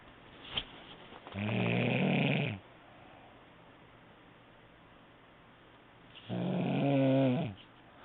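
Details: Person snoring, recorded on an HTC mobile phone: two long, rough, low-pitched rattling breaths about five seconds apart, with quiet room noise between them.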